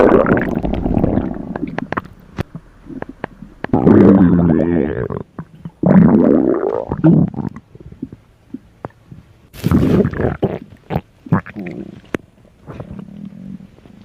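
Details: Loud, hungry stomach growls: irregular gurgling and rumbling bursts with squeaky, bubbling runs between quieter gaps; borborygmi, ordinary hunger noises.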